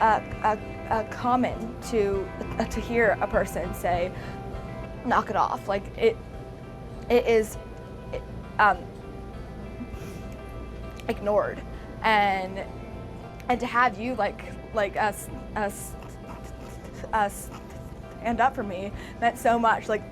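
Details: Adult female actress with a real stutter, who says she is often ignored, rushed and bullied because of it, talking after a hidden-camera scenario; real, not acted, stuttering.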